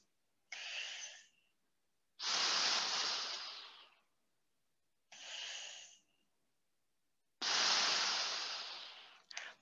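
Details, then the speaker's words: Loud, effortful airflow hisses through a POWERbreathe inspiratory muscle trainer, demonstrating correct technique: strong, full, low inhales and slow exhales with a slight pause before the next breath. "want the inhale to be strong and full and the exhale to be slow with a slight pause before you start the next breath"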